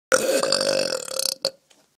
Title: Belch burp Tq1